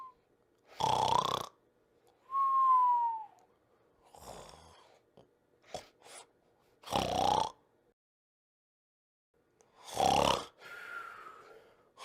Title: Ink’s snoring problem